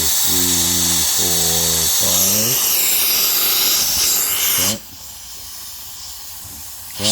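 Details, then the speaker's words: Dental air syringe giving gentle air to thin Rodin Bond adhesive on prepped teeth (deeper distal box prep) with HVE suction: loud steady hiss of air and suction, brief voice, then airflow stops. "And then in terms of this, I like to start out, if you can hear that, right? Just gentle air, and then I'll just sweep it."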